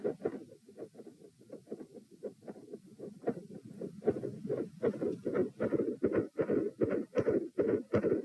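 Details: Heart sounds recorded lying down, during manoeuvres to provoke murmurs: rate about 77 a minute, loud S1 and S2 both split, with a soft midsystolic murmur between them.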